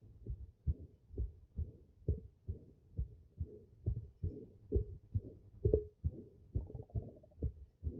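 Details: Mitral stenosis murmur.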